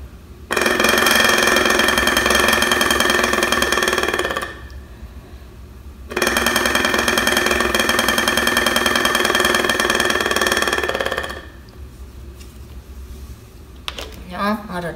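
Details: Two long exhalations through an oscillating PEP airway-clearance device demonstrated as a mucus-loosening aid in the context of COPD, producing a rapid buzzing rattle of about 200 pulses a minute.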